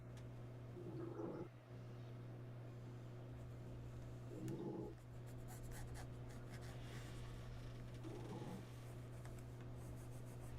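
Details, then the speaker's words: Loud snoring, louder than most men, from Copper, heard during a live sewing session; snoring. "if anybody can hear that snoring that is copper that's too funny i thought i bored you already and you fell asleep nope not me that that is copper he's louder than most men when coming when it comes to snoring"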